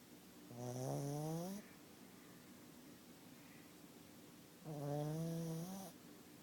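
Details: Snoring: two drawn-out, whistly, tone-like snores several seconds apart, with quiet breathing between them.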